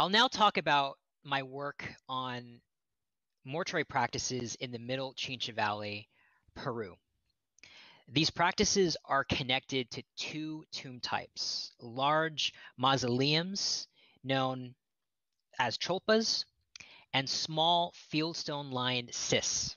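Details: Adult male archaeologist who says he stutters and will stutter now and then, giving a lecture; stuttering.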